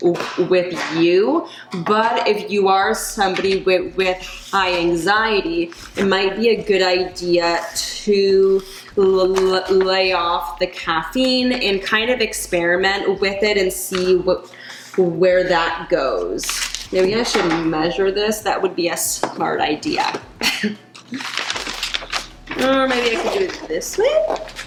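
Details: Adult woman who stutters; she reports that caffeine worsens her stutter and anxiety, and she recently gave up coffee but still drinks tea and decaf; stuttering.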